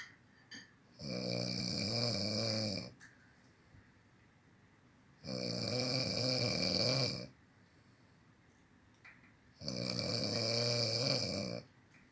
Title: Dad snoring